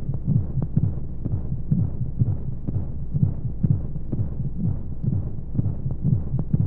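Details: Womb-sound sleep aid for babies: steady low whooshing thumps, about 125 a minute, over a muffled hum, an imitation of a heartbeat heard from inside the womb, with white noise; heartbeat.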